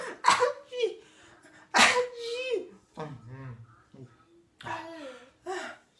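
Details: Playful imitation "achi" sneezes made to amuse babies: two loud voiced sneeze bursts, each followed by vocal sounds, then softer voiced calls; sneezing.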